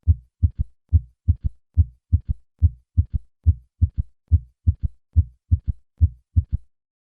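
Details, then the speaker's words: Third heart sound (S3 gallop): faint, low-pitched early-diastolic sound just after S2, heard best with the stethoscope bell held lightly at the cardiac apex, patient in left lateral position; three normal beats then the added S3. "since the third heart sound is normally faint it is heard best at the cardiac apex with the patient in the left lateral position this position brings the heart closer to the chest wall and improves the chance of hearing a faint third heart sound"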